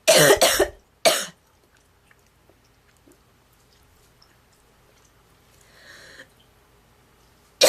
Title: Goose Coughing girl